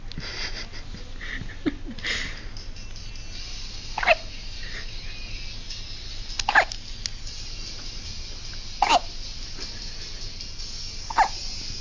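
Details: Baby boy with hiccups: four brief, sharp hiccups about every two to three seconds over steady background noise and faint music.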